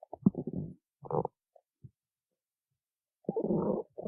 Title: stomach growling 8